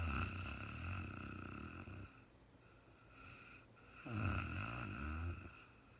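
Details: Woman sleeping at night, real-time recording: low, rattling snores on two breaths with a quieter pause between, over steady room hum; ordinary snoring.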